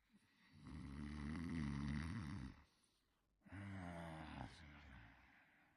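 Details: Two long, low, rumbling snores from a sleeping cartoon character on an animated soundtrack, separated by a brief pause: simulated snoring.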